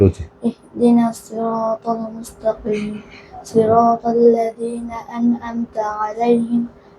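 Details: Child Quran student who had lost his voice from swollen vocal cords with a gap between them, now reciting after 21 days of treatment; the doctor says the voice is completely clear. Normal voice after recovery from hoarseness.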